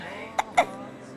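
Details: 4½-week-old newborn boy with hiccups while trying to coo at his mother: two short, abrupt voiced catches about a fifth of a second apart over a steady background hum.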